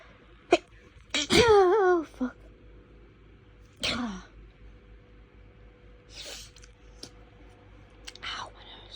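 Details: Intense, rapid, hitchy sneezing fit in the early hours after waking: loud sneeze with a catching, hitching breath and trailing voiced cry, then a second sneeze and sniffing; afterwards breathing feels blocked.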